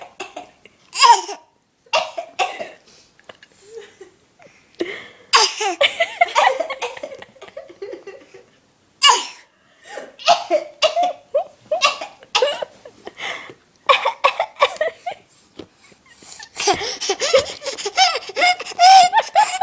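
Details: Baby boy giving short, deliberate little coughs mixed with giggles and laughter, a playful attention-seeking voluntary cough.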